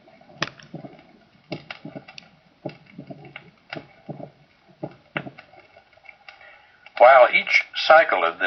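Heart cycles at about 60 a minute, each with three crisp sounds: an opening snap after the second sound, without a gallop's lilt. Brief speech follows.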